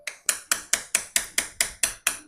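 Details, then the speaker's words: Live arthroscopy workshop, microfracture of a woman's cartilage defect: ten sharp, evenly spaced metallic taps, about four a second, as a mallet drives a curved pointed awl into bone to make holes exposing subchondral marrow. "So this instrument which is a curved and a pointed is known as an all. So we are going to have some holes inside the bone."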